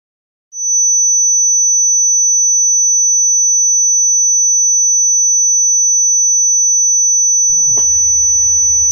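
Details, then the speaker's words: Simulation of a person's own chronic tinnitus, heard constantly every day: a steady, piercing high-pitched whistle or ringing; tinnitus simulation. "That noise that you heard at the beginning of the video, that is what I hear every single day, 24 hours a day, 7 days a week. That's the noise a lot of people hear. It's called tinnitus or tinnitus."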